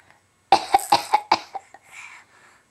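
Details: A young child gives a quick run of about five short, sharp coughs on request, a deliberate fake cough.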